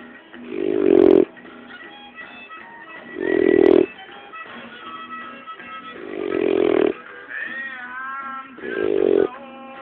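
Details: Dog snoring: loud, snorting snores roughly every three seconds, with a faint whistle between breaths.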